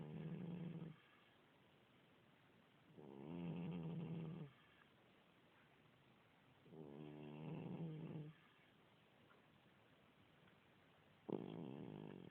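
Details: About 16-year-old cat with a continuous cold: regular soft rumbling snores, about one every four seconds, with quiet pauses while sleeping; snoring.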